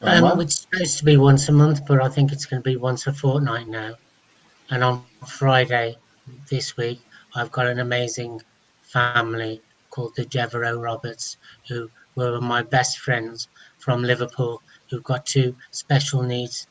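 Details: Adult man speaking; ordinary speech.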